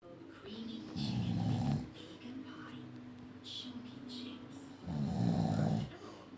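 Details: Father snoring, filmed as proof despite his denial: deep, rattling snores on the in-breath, two long ones with softer breathing between; ordinary loud snoring.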